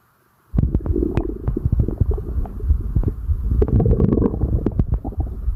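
Continuous low gurgling and rumbling with frequent irregular pops from an adult abdomen: active bowel sounds during digestion, a normal finding.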